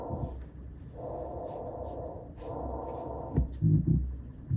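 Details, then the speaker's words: Teaching example, echoey recording: loud, hollow bronchial breath sounds, a louder version of normal breath sounds with inspiration and expiration of equal length separated by a short pause. "This bronchial breath sound, this is the first one. Louder version of a normal breath sound, but it has equal time that you can hear inspiration and expiration."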